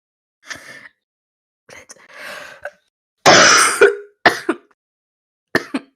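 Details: Young female smoker: several forceful, harsh throat clears in quick succession, one markedly loud; repeated heavy throat clearing amid deep barking coughing fits.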